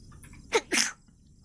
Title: 【にじさんじ切り抜き】今週のくしゃみハイライト【2026年 3月15日〜3月21日】 #にじさんじ #くしゃみ #にじさんじ切り抜き #vtuber #sneeze #nijisanjien